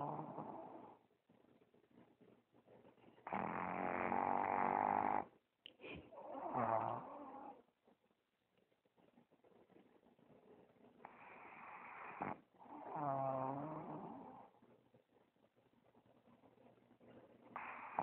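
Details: Tired pug asleep on a babysitting grandparent's chest after playing, snoring very loudly: loud rattling, snorting breaths in irregular bursts with quieter gaps.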